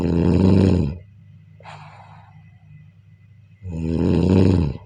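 Loud, rough snores on breathing in, with a softer breath out between them: snoring.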